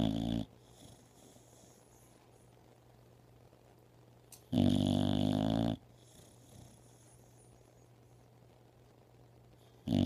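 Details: Loud, harsh snoring from a sleeping dog, about one snore every five seconds, with a low steady hum in the room.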